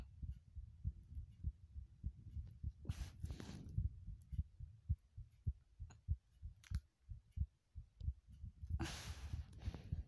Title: heartbeat sounds (remake)